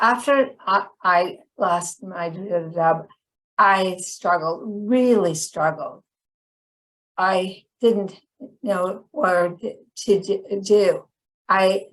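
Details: Chronic post-stroke aphasia in a woman about 10 years after a stroke that initially left her hemiplegic and unable to speak.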